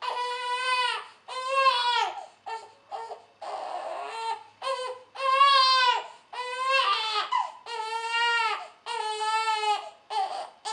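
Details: Silence then infant crying: repeated rhythmic wailing cries separated by short gasping breaths.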